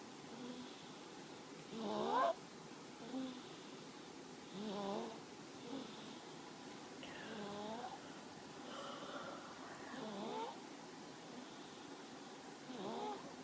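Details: Sleeping infant makes repeated voiced, tonal snoring sounds about every two to three seconds, roughly 22 a minute, over a faint steady background hum; snoring.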